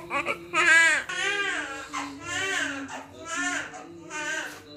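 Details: Fairly large newborn just after a vaginal birth without tearing, delivered by pushing with coughing: strong, repeated wailing cries with soft music behind. A vigorous normal first cry.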